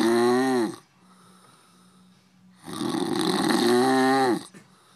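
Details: Two loud, drawn-out, buzzy breathing sounds separated by a quiet pause from a sleeping man: snoring.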